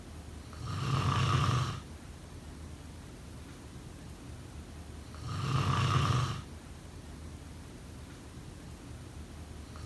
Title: Snoring sound… #2